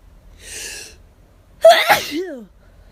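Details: Hay fever sufferer out of medication, itchy and lightheaded during rapid repeated sneezing; a hissing inhaled build-up, then a loud explosive sneeze with a voiced 'choo' trailing off.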